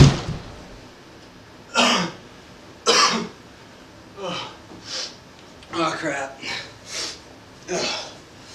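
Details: Staged comedic spoof sneeze-jump scene; the speaker says he has had a cold for about a week. About eight harsh, separate coughs in uneven bursts over eight seconds, with a brief spoken word at the start; repeated coughing.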